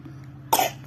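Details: A single short, sharp cough from a child who feels unwell with a stomach ache, against quiet room noise.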